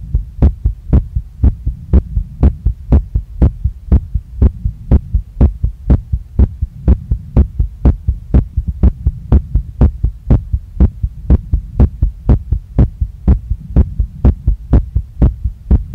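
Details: Very fast, strong, regular pounding heartbeat about 122 a minute recorded by a female on her own chest after a workout, felt in chest, neck, face and stomach, chest visibly moving; tachycardia after exercise.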